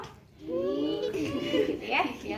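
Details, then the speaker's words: Vocal imitation of a wheeze, the added breath sound described as occurring in asthma patients: a woman's voiced, whistling-like sustained tone. "ada suara wizi apa itu suara wizzy saluran nafas biasanya suaranya seperti apa"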